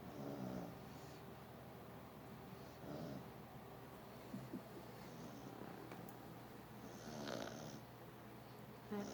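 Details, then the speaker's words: English Toy Spaniel sleeping and relaxing after a long day at a dog show makes soft, rough snores every few seconds in a quiet room: snoring. "starting to snore too. They're both snoring."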